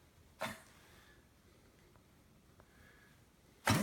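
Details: Dog coughing, two brief sharp cough bursts about three seconds apart in a quiet room; owner questions possible tracheal collapse.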